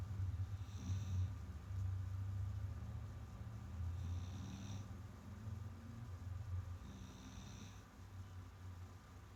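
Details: A sleeping cat snores softly with a low rumble about every three seconds over a steady background hum: ordinary sleep snoring.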